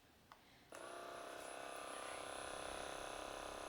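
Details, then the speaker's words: Acted ASMR chiropractor roleplay for TMJ: a flat-head percussion massage gun on its lowest setting, used on the jaw with a hand on the head, gives a click, then a quiet, steady low buzz with rapid pulsing. "i like this one because it's not very loud some of them are very very noisy and they don't always have a low enough setting so that i feel comfortable using them on the jaw"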